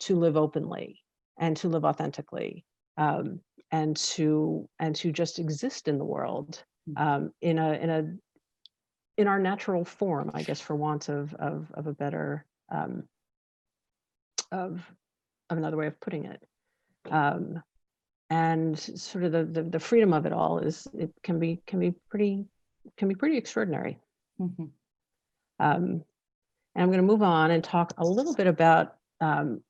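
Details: Adult who stuttered covertly for over 30 years, with word and syllable repetitions; stuttering.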